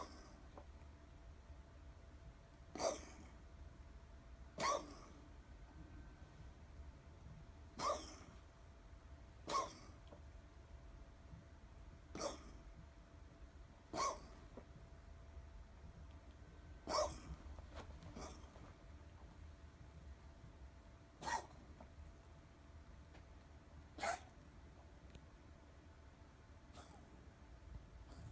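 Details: What sounds like a dog: about ten short, sharp coughs, one every two to three seconds, over quiet room noise.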